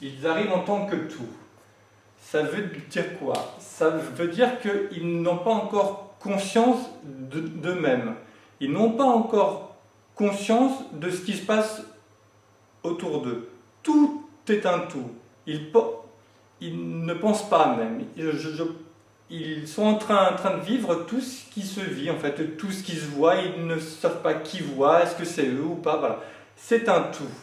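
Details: Adult male who has lived with stuttering for 20 to 40 years and says he is now getting out of it; stuttering.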